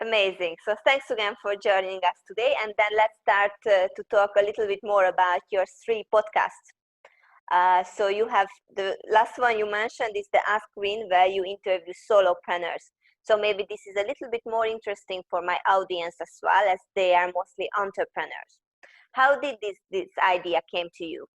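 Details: Adult woman speaking; ordinary speech.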